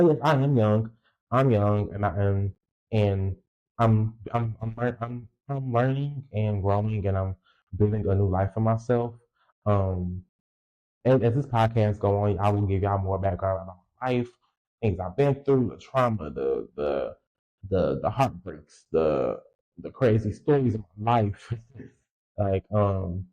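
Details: Adult male podcast host who says he has a speech impediment and has stuttered his whole life, stuttering left unedited; stuttering.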